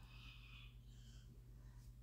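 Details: Steady low rumbling habitual snore from a sleeper in the background of a room, with a faint breathy snort.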